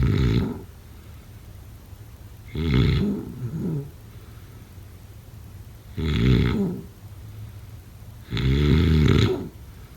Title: #snoring #snoringasmr #snoringsleepingsoundeffect #snoringsounds